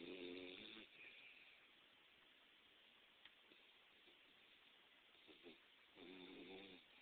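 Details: A sleeping dog gives two buzzy, humanlike snores several seconds apart, with quiet breathing between them: snoring.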